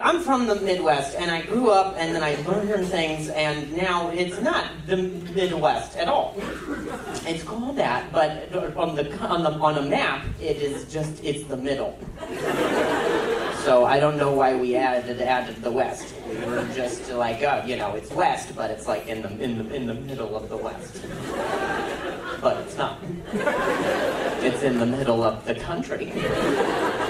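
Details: Adult male stand-up comedian who says he stutters and calls it a very mild speech impediment; repetitions of words and phrases are heard during his set; stuttering.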